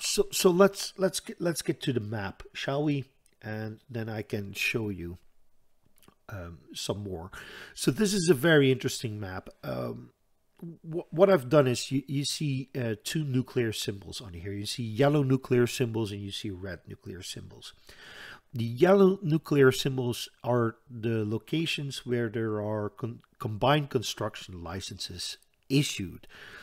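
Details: Stuttering in an adult Dutch man who says he stutters audibly all the time, with a stutter in which he hangs up between his words; word repetitions in this stretch.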